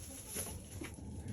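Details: Goat coughing, two short soft gasping bursts with a hiccup-like catch in a quiet room; owner first thought she was choking, but she was fine, coughing caused by a little dust in the air.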